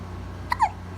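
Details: A 6-week-old baby hiccuping: a single abrupt catch followed by a brief squeaky vocal sound over steady low room hum; hiccups.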